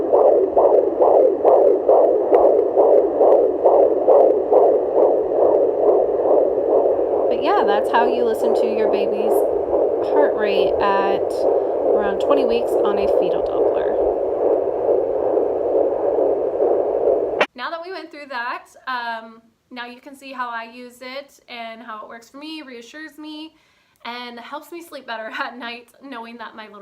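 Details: Home fetal Doppler (FIGERM JPD-100S6) on the mother's abdomen: rapid, regular galloping whoosh of a fetal heartbeat, about 136 beats per minute.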